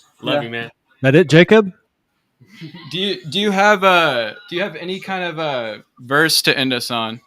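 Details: Adult male speaker; typical speech.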